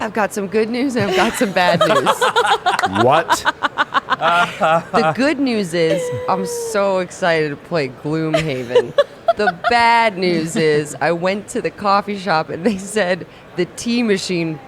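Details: Adult speaker; Normal speech.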